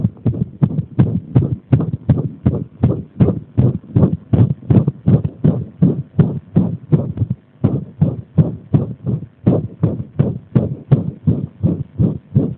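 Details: Arrhythmia deliberately induced by applying pressure: a fast heartbeat of around 160 a minute with uneven spacing and a brief pause, giving an irregular heart rhythm.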